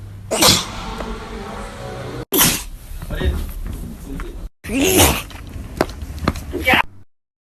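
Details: Man sneezing: several loud, abrupt sneeze bursts separated by short gaps, some with a voiced tail; edited recording.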